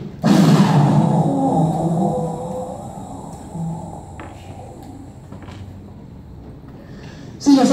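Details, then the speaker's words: Spirometry for a flow-volume curve: an adult woman takes a maximal breath, seals the mouthpiece and blows as hard as she can for 6 seconds; a sudden hard rushing blast fading to a long steady outflow; forced maximal expiration. "lo que se le pide al paciente es que tome todo el aire que pueda escuchen acá se coloque la boquilla y sople todo lo que pueda Por espacio de 6 segundos"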